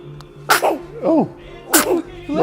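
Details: Baby girl, drowsy and falling asleep, sneezing: two sharp, explosive sneezes, each followed by short squeaky vocal sounds.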